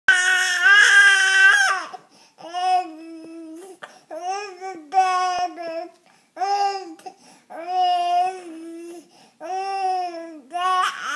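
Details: Baby crying in repeated wailing bursts with short pauses; a strong, clear voice in a small room. An ordinary infant cry.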